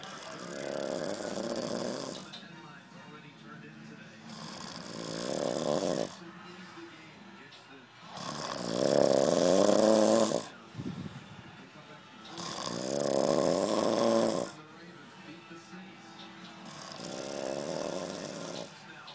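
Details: Loud, rhythmic rattling snores on each breath in, about 15 a minute, during sleep after a long night: snoring.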